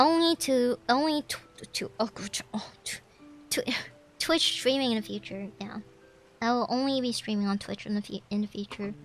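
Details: Woman who says she stutters; stuttering.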